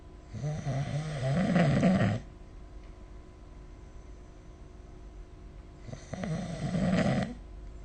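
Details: Snoring during sleep recorded with the SnoreLab smartphone app: two long, low, rattling snores about four seconds apart, with quiet breathing between them.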